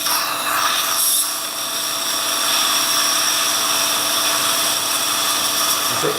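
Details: A steady, high-pitched whirring drill with faint room noise during osteotomy drilling for a guided dental implant at the upper right central incisor (UR1) site, with a flap raised.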